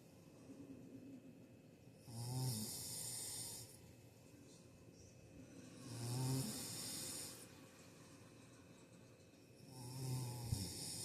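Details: Rhythmic rumbling snores during sleep, about 15 a minute, each a long rattling in-breath followed by a quiet out-breath; snoring.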